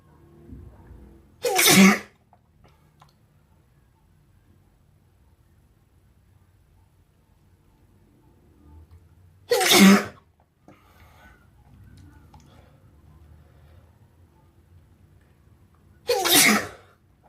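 Three sharp, explosive sneezes several seconds apart in a quiet room; ordinary sneezing.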